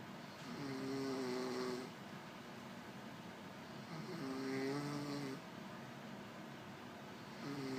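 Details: Female snoring heavily: loud, rough buzzing snores on each inward breath, about three in under eight seconds, with quiet pauses between.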